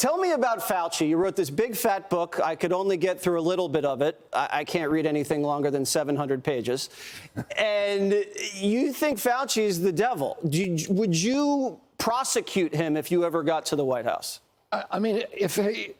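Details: Adult man speaking in an interview; ordinary speech.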